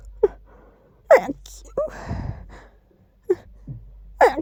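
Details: Sneeze blamed on dust, with itchy sneezes: a sharp inhaled catch, then a burst of air, with soft sniffs around it.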